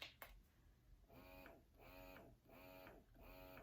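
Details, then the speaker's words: Rhythmic whirring motor cycles with rising and falling tone, about one per second: Baby Buddha breast pump running in stimulation and expression modes, described as kind of loud. "the pump is it's kind of loud I'll let you hear it"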